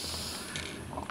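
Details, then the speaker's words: Mechanical clicking and hissing gas flow from a prototype compressed-gas-powered ventilator cycling a simulated lung (3.8 L/one-gallon volume with resistance), regulator simulating hospital pipeline pressure, timing via valves, restrictors and check valve. "the timing is obvious a combination of valves and restrictors throughout the system and a check valve to smooth the operation"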